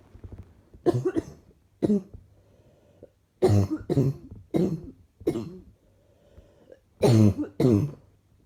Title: Few clips of what I woke up with this morning. Slightly chesty coughing